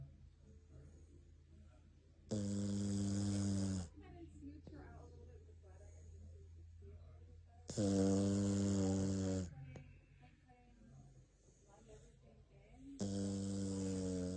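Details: Female Jack Russell terrier fell asleep, possibly tired, while the TV was on and snores loudly: about three buzzing snores in 14 seconds, quiet breathing between, over a low room hum; dog snoring.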